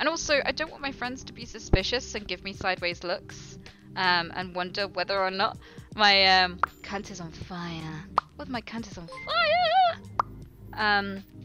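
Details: Live-streaming woman who says she has Tourette syndrome, noting she can suppress tics briefly: involuntary vocal tics including swearing and phrases.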